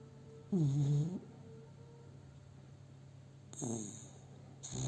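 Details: Dog sleeping in the owner's arms, recorded on a cell phone; two low, rumbling, tonal snores a few seconds apart over quiet room noise; snoring.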